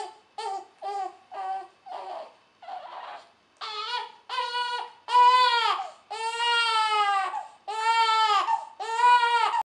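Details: Infant at first not crying, then short fussy whimpers build into loud, sustained, rhythmic crying; ordinary infant cry.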